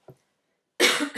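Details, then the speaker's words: An adult whose chest has started wheezing gives a single abrupt, harsh cough burst after a brief faint sound and a pause. "Sorry, my chest is decided just to start wheezing."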